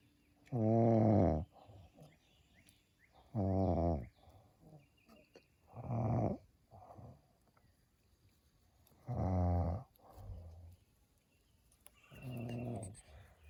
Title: snoring momma bear